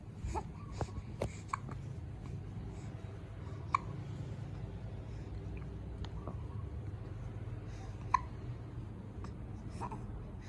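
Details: Newborn baby hiccups: soft, sharp little catches recurring irregularly over a low room hum, about 14 a minute.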